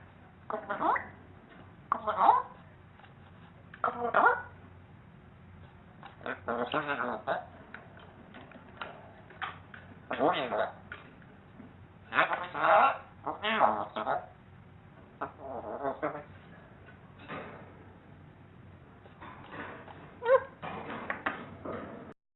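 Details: A parrot sneezes, giving a series of short, sharp sneeze-like bursts in a quiet room.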